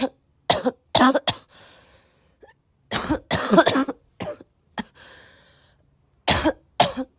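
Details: Roughly ten short, dry coughs in small clusters with repeated throat clearing, occasional laughter and faint breaths between bursts; a person coughing.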